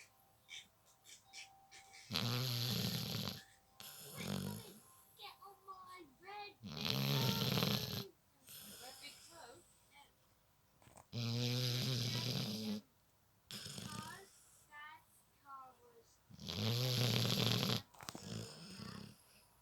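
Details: Heavy snoring during sleep: loud, rattling snores recurring every few seconds, with squeaky, whistling sounds between them.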